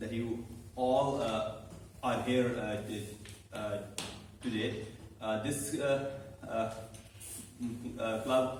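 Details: Man who stammers, about eight to nine months in a stammering support speaking club, speaking live as meeting host; stuttering.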